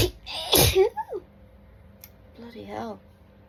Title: Hitchy tickly sneezing fit caused by dust!